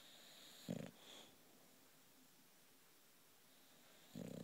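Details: Sleeping British bulldog snoring: two short, coarse snorting snores about three and a half seconds apart, with quiet between them.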